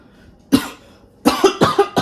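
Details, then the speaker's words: Adult woman, ill with voice trouble after a walk in the rain, one cough then a rapid run of three or four more in a quiet room, persisting despite cough syrup; cough. "Bon, le sirop était pas supposé m'empêcher de tousser et m'aider avec ma voix. Genre, c'est pénible."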